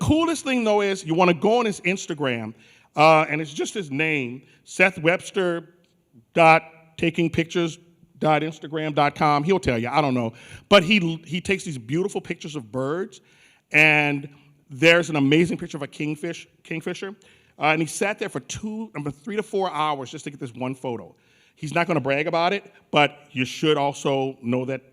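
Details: Adult male speaker; normal voice.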